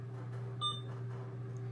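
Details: One short electronic beep as a key is pressed on an Alaris 8100 infusion pump while setting up a heparin drip on channel 3, over steady low hum; infusion pump keypad beep.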